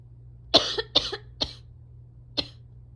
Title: July coughing compilation (sick towards the end!)